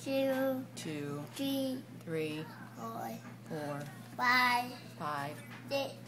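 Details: Speech of a profoundly deaf boy just turned three with bilateral cochlear implants (Nucleus Freedom) from simultaneous surgery, hearing about 2 years with the right implant and 22 months bilaterally.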